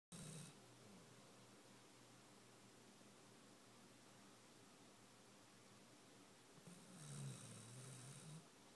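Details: Female snoring, with two soft, rough, whistling snoring breaths at the start and near the end and quiet breathing between; a nasal strip is jokingly suggested.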